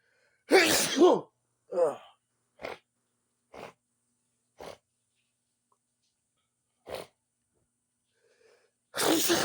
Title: Big Sneeze and Nose Sniffing Part 2 #sneezing